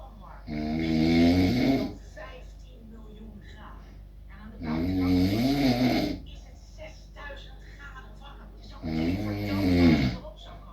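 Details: Adult man (a father) napping at 4 pm, snoring very loudly: three loud, deep, voiced snores at about 14 per minute, with quiet breathing between them.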